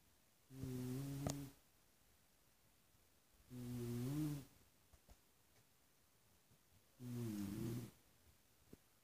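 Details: Adult uncle snoring: three loud, rumbling snores at a slow, steady pace of about 20 a minute, with quiet pauses between; typical snoring.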